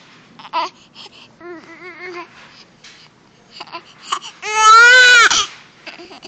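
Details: Baby girl crying: short fussy cries build to one long, loud, strong wail, with an adult voice quietly in the background; infant cry.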